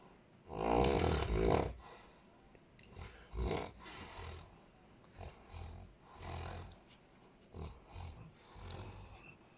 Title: snore pa more